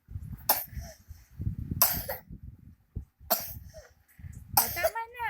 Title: coughing😂